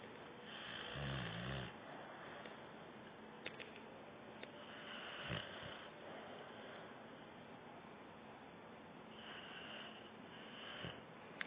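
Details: Sleep talking/snoring: a few low, rattling snores under steady background hiss, with cartoon audio playing.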